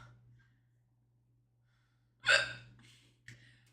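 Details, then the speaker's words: A quiet stretch, then a sharp voiced catch of breath and a second brief jerky catch. These are sudden-onset hiccups the person says they cannot stop. "Oh my god, I have hiccups, guys. Who did this to me? Who did this to me? I can't stop."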